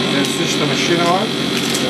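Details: Steady mechanical hum and hiss from a nebulizer machine running during paediatric sputum induction for TB diagnosis in an outpatient clinic.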